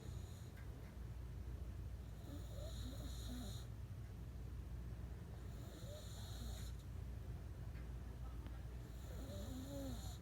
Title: Boston Terrier Snoring